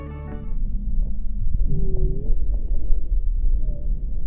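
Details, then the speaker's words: Rhonchi: low-pitched, continuous, snoring-quality breath sounds from airway wall vibration caused by turbulent flow from obstruction, which can also be felt on the chest wall; brief music at the start. "Ruidos continuos, roncos. Es un ruido de baja tonalidad que se produce por vibración de las paredes de la vía aérea generada por flujo turbulento, por obstrucción."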